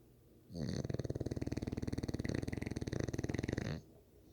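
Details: Snoring bully (dog): one long, loud rattling snore of about three seconds, with rapid fluttering vibration of the throat's soft tissues.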